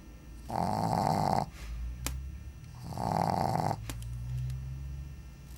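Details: Shih Tzu sleeping on the floor during a heat wave: loud rattling snoring bursts on each breath in, with softer whistling breaths out between them.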